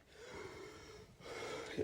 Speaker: I was wheezing a little bit there, guys.